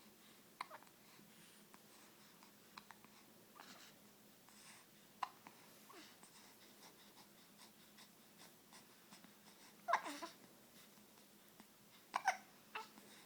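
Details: Baby in a quiet room with low hum: a few short, sharp catches of breath, some with a small voiced squeak; infant hiccups.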